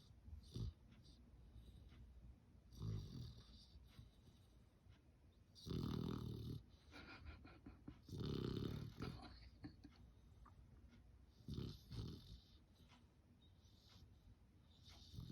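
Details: Sleeping puppy snoring: soft, low, snuffling snores at irregular intervals every few seconds over faint room noise.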